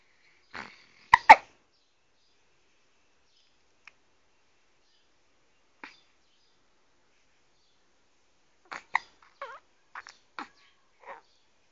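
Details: A 12-day-old newborn boy has soft, brief hiccups scattered among faint breathy noises in a quiet room; normal infant hiccups.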